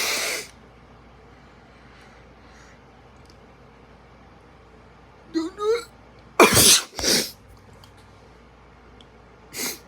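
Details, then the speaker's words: A sneeze set off on purpose by sniffing a handful of ground pepper during a don't-sneeze challenge, after which the person admits losing: a sneeze. "we're gonna be using it to sneeze if i sneeze i smash i smash a can on my head"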